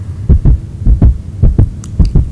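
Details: Regular paired low heartbeat thumps, about 105 a minute, a cartoon sound effect in a doll play story as a pretend doctor listens and calls the heart stable and strong.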